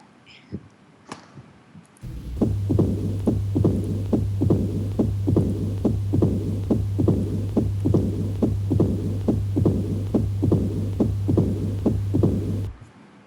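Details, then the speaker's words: Heart auscultation: rapid regular sharp sounds, four sounds per cycle, extra snap plus continuous low diastolic rumble; opening snap with mid-diastolic murmur of mitral stenosis. "4 sounds हैं। 4 sounds हैं, excellent. तो 3 पहली हैं उसी तरह की जो पहली बार रिपीट हुई थी, जो अब हमें नई सुनाई दे रही है,"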